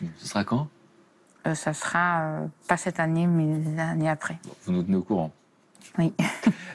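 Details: Adult speaker; typical speech.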